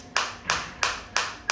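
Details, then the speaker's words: Focused shockwave therapy applicator at pulse frequency 180: sharp, evenly spaced cracking pulses about three per second. "Frequency में आपको change आता दिख रहा है। साउंड के साथ भी पता चल रहा है।"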